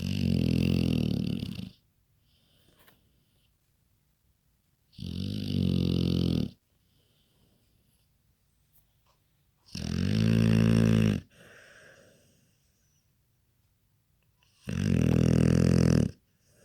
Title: Jax snoring